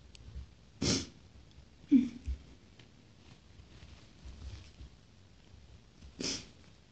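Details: Person's sneezing: brief, sharp sneezes with faint sniffing between them in a quiet room.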